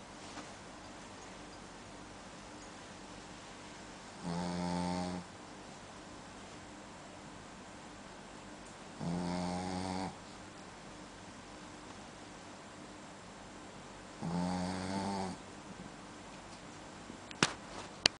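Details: Sleeping dog: three rumbling, fluttery snores about five seconds apart over steady room hum; ordinary snoring.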